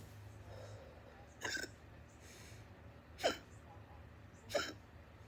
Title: burps and loud hiccups